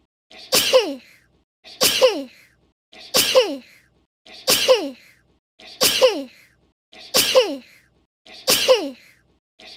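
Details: Seven sharp, near-identical sneezes at regular intervals, each a quick explosive burst with a falling squeaky tail, from a woman; sneezing.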